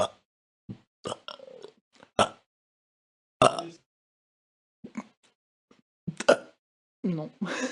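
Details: A series of short, irregular, throaty burps of varying loudness, from a royalty-free sound-effect compilation: burping.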